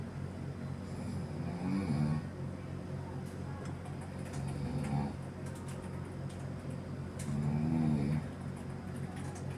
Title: #sleep #snoring